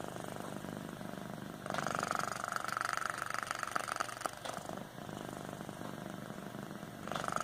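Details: Snoring from a pet cat during sleep.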